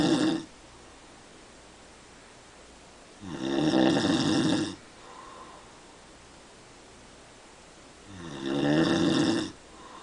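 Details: Dad's heavy snoring: loud, rattling snores on each breath in, roughly every five seconds, with quiet pauses between.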